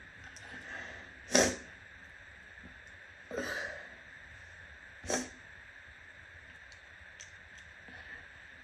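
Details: Three short explosive sneezes with sniffs between them, soaking shirt and hands, over a steady room hum; sneezing.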